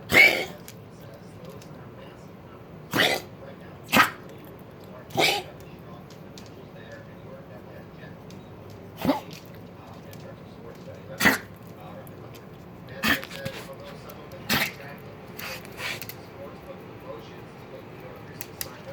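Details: Dog coughing: about nine short, sharp dry coughs spaced a few seconds apart over room noise.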